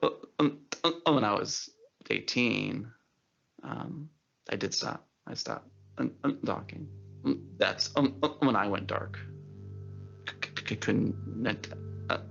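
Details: Adult man who stutters, had speech therapy in school at age eight, and says he never stutters while singing; stuttering.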